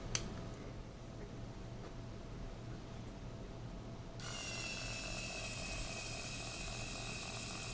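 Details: Faint mechanical clicks, then a steady high whirring hiss as a Vacora vacuum-assisted needle takes a second tissue core during stereotactic breast biopsy of calcifications, needle rotated by thumb wheel; vacuum-assisted biopsy device sampling.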